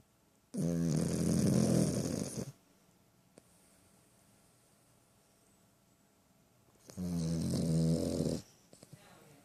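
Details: Sleeping dog snoring heavily: two long, loud, rattling snores on the in-breath, with quiet pauses between.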